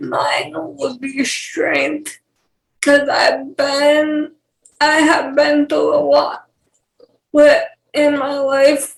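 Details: Dysarthria in a 28-year-old woman with cerebral palsy, who has speech issues that her fiancé, also with cerebral palsy, does not have.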